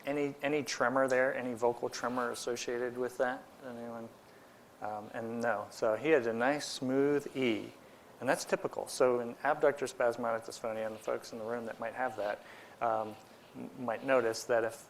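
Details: Adult male speaker; ordinary speech.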